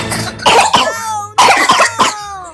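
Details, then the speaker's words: Several voices cough together in short overlapping bursts, a family coughing after eating ice cream, acted for comedy (simulated). "Tuh kan jadi batuk berjamaah deh. [tertawa]"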